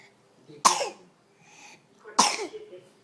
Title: tosiendo